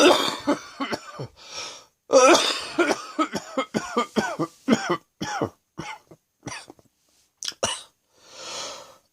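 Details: Afternoon coughing with wheezing: repeated wet, rattling coughs in irregular bursts with throat clearing, a productive cough bringing up mucus.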